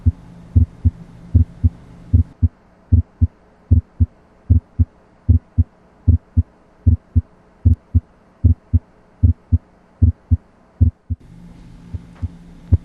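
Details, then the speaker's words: Regular lub-dub heart sounds at about 76 beats per minute, auscultated at the left lower sternal border; normal heart sounds. "know that there are specific sounds that are heard loudest at certain locations again s1 is loudest at the apex and s2 is largest at the base of the heart"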